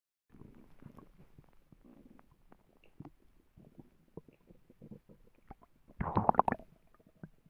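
Gurgling, bubbling rumbles ending in a louder squeaky gurgle; ordinary stomach growling.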